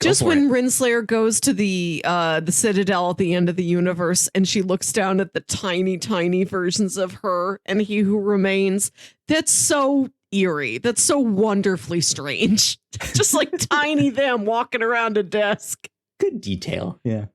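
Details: Adult woman speaking; typical speech.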